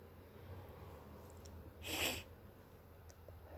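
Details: Person with suspected hay fever plus early cold (sore throat, itchy blocked stuffy nose): a single sharp, forceful sneeze against quiet room noise.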